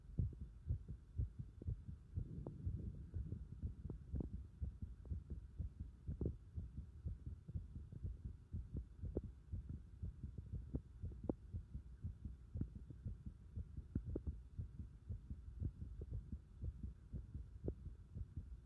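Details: Heart sounds recorded with pulsation at the pit of the stomach (epigastrium): quiet, rapid low thumps, somewhat uneven in loudness, over a steady background hum.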